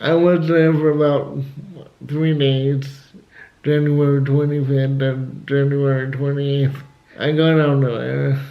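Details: Dysarthria in an adult male with cerebral palsy, who also has asthma; he had to learn to talk and says he is still not quite there.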